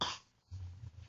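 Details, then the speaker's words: Young boy sick with a cough: a single short, harsh cough burst followed by a low rumbling tail. "lagi sakit batuk."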